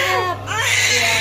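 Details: Newborn just delivered by normal vaginal birth at about 7 am: strong, high-pitched, vigorous wailing first cry over steady background hum; a normal newborn cry.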